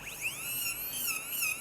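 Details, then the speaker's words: High-pitched whining dental handpiece that dips and rises in pitch as the bur cuts a cemented fiberglass post at 45° to the incisal edge during an anatomic modified fiber-post core reconstruction. "fazer o corte do pino e dar acabamento no preparo. Então, esse corte desse pino tem que ser em 45º em relação à incisal, né?"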